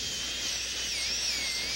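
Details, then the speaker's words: Dental drill with a diamond bur reducing the lingual cusp occlusal surface of a maxillary second bicuspid during preparation for a porcelain-fused-to-gold veneer: high whine running steadily, pitch dipping slightly as it cuts. "we're going to switch to a WM 1m diamond to reduce that slightly"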